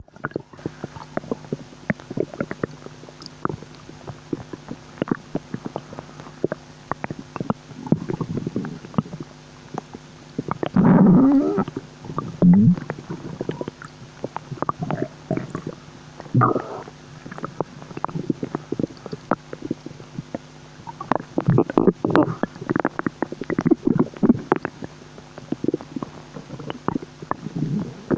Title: new bubbling stomach noises ☺💓